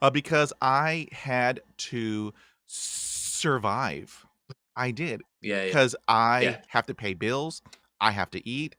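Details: Adult man from Texas who stutters, had speech therapy in 1975, hosting a podcast; blocks and repetitions heard; stuttering.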